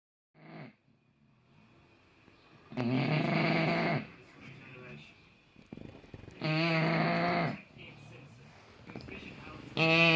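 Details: Extreme snoring in a rescue British bulldog: loud, harsh, vibrating snores on each inward breath, about 18 a minute, with quieter snuffling between; snoring.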